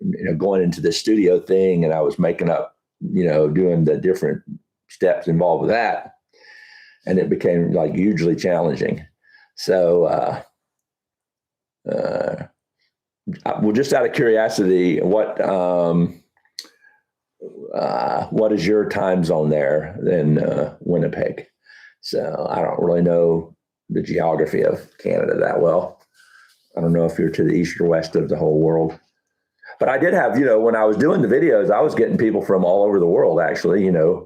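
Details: Adult man with Huntington's disease about 12 years after diagnosis (10 years also stated), reporting that talking has become challenging and that his thinking is less methodical than two years ago; speech difficulty in Huntington's disease.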